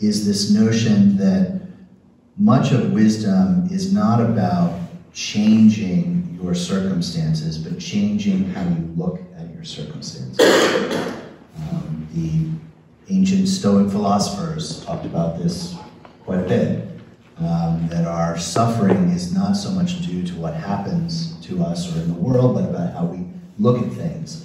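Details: Adult man speaking; ordinary speech.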